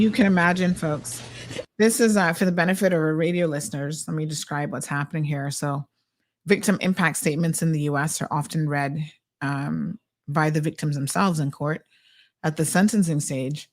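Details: Adult male speaker; no speech disorder.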